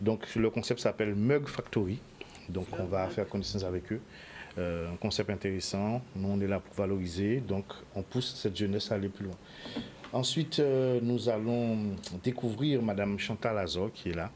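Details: Adult male speaker; unaffected speaker.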